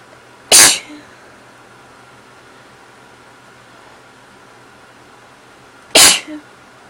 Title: Sneezing Again